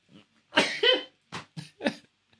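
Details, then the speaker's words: Adult man on a podcast has a sneezing fit: a loud, explosive voiced sneeze followed by several shorter bursts in a small quiet room, after which he says he thinks he hurt his back. "absolutely perfect all right what a great sneeze thanks thanks jake baby"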